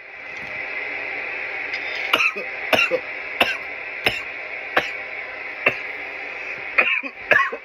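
Repeated sharp coughs, about nine in close succession over a steady background hiss; an irritant coughing fit after smoking.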